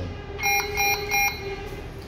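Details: Medtronic Puritan Bennett PB560 ventilator during calibration, showing calibration failed; three high electronic alarm beeps in a steady pattern over a low hum; ventilator alarm.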